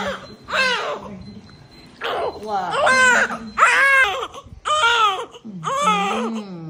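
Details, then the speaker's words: Newborn cry immediately after a natural vaginal birth: the baby cried right away with strong, vigorous cries about once a second and short breaths between; a prompt first cry. "Ang init si baby ha okay naa Buti umiyak ka agad"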